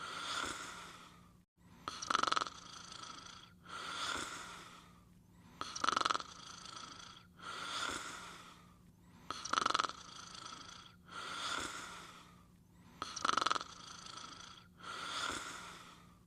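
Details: Caesar sleeping and snoring: rhythmic rasping snores on each breath, about 16 breaths a minute, with a harsh snort-like edge on some breaths.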